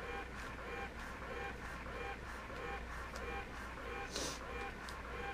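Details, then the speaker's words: Rhythmic mechanical whirring, about 47 pulses a minute, over a low motor hum from a Medela Pump in Style electric double breast pump connected to the breasts at maximum speed. "so everything is connected and i'm going to turn it on max speed and you will hear what it's going to sound like when it's connected to your brass"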